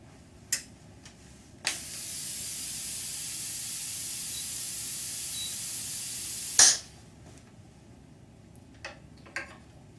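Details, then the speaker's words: Electric dental handpiece control unit calibration, foot pedal fully depressed to set maximum air pressure: steady loud air hiss for about five seconds, starting and stopping abruptly between faint clicks; dental air supply hiss during calibration. "press and hold max until you hear the beep this will program the control unit to recognize the maximum amount of air pressure and then you can take your foot off of the foot pedal"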